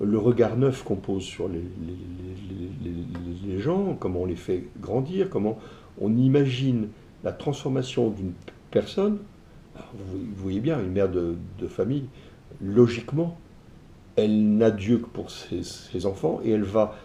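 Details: Adult male entrepreneur with stuttering (bégaiement), which he self-reports; he says his ease of speaking varies with how receptive the listener is. Finding: stuttering.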